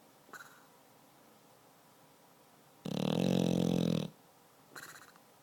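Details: Beagle–pitbull mix dog asleep after a long day of activity: one loud, rattling snore lasting about a second between two faint breaths; ordinary snoring.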